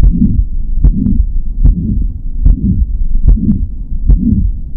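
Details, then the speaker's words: Mitral regurgitation murmur, with the mitral valve letting blood flow backward in the left heart: steady heartbeat near 74 a minute with a soft continuous whooshing filling the gap after each beat. "mitro regurgitation murmur this is when the mitro valve which is the opening between the chambers of the left heart allows blood to flow in the wrong"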